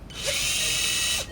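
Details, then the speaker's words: Loud, steady high-pitched power driver whine for about one second as a guide wire passes through clavicle into the centre of the coracoid during ORIF of a type 3 (possibly type 5) AC joint dislocation in a 55–60-year-old man. "So the guide wire is going slowly from clavicle, so it's a past clavicle, hitting the coracoid and then going beyond coracoid. So it's going through the coracoid."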